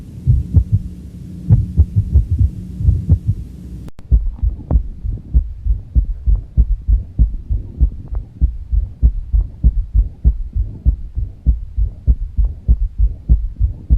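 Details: Third heart sound (S3): low-pitched heart sounds at about 98 beats a minute with an extra soft early diastolic sound, giving a gallop rhythm.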